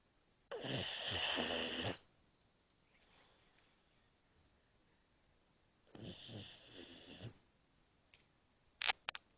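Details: A pug asleep in his crate after a long day, snoring: two raspy, fluttering snores on inhalation separated by quiet breathing, with a few clicks at the end.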